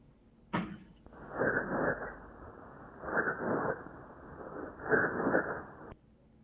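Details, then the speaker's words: Egophony: three muffled, nasal, bleating vocal sounds through the chest wall, where the voice is not transmitted normally but distorted, heard over pleural fluid or condensation. "Entonces estamos viendo que el ruido no se transmite y se descompone no de acuerdo Esa es la egofonía"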